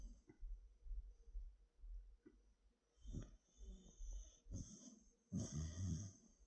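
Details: Snoring recorded very close to the ear: soft, low rumbling breaths with snuffling noises from a sleeping animal.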